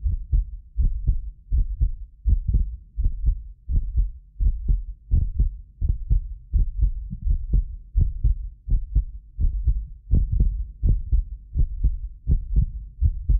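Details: Heartbeat of a self-described medically fit person, recorded with more than six precision contact microphones; regular lub-dub about 83 a minute, some beats doubled by the roughly 6 ms microphone delay, not the heart; normal heart sounds.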